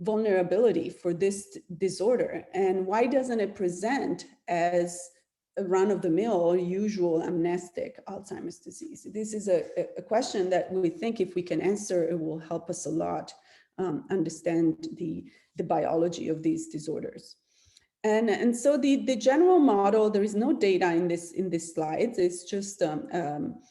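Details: Adult woman lecturing; normal speech.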